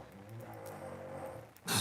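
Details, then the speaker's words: Dog snoring loudly: a drawn-out, buzzing snore lasting over a second, ending in a sharp, noisy snort. "wow they know they bored you my dog just snorted loud i don't know if y'all could hear that but my dog just snored so loud"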